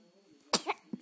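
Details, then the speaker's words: Baby boy (day 9) just woken from a nap with hiccups, having lots of sneezes: a single sharp explosive burst of air with a short trailing breath, a brief sneeze. "Bless you. Lots of sneezes. Oh, and hiccups."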